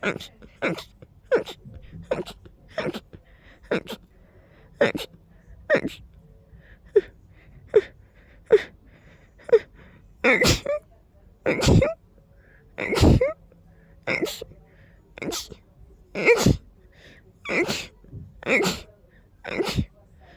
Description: I kept needing to sneeze and sneeze and sneeze and sneeze more and more! And they were coming so fast, I barely managed to finish one sneeze when the next one arrived! 🤧🤧🤧🤧